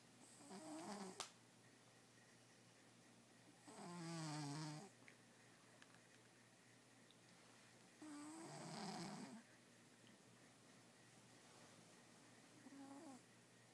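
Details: Three rattling, buzzy, very loud snores on slow breaths in a quiet room, roughly 13 a minute, with a click early on, from a sleeping cat; snoring.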